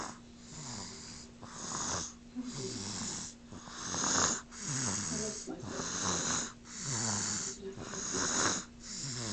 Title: snoreN lol I swear no sound effects r used